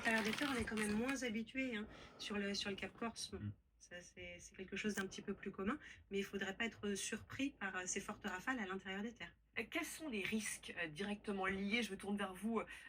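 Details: Adult speaker; normal voice.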